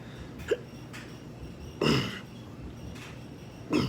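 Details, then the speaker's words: Persistent hiccups lasting 1 year 8 months, with acid reflux, heartburn, fatigue and poor sleep, heard while talking: sharp, abrupt, irregular throat catches and gulps about every second or two; a dryer runs in the background. "I have learned how to keep my mouth closed so don't make that cup noise like that but once I'm talking it's hard to control all of it"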